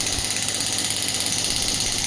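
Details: Rapid, even mechanical tapping with a hiss: a pneumatic shockwave therapy device firing pulses during a demonstration, with a shot counter running.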